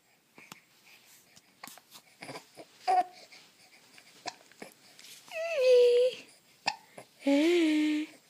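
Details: A young child hiccups, with sharp, irregular gulps among babble and brief cries.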